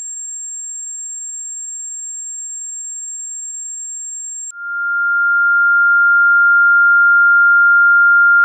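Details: Simulated tinnitus sound test: steady high-pitched electronic ringing tones, a very high whine then a lower steady tone, showing what tinnitus sounds like.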